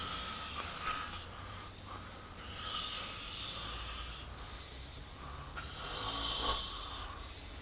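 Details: Man asleep during a fishing trip: slow, harsh, rattling snores on each breath in, over steady room hum; snoring.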